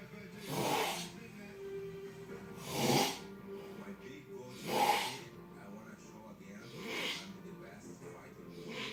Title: Snores Like A Sump Pump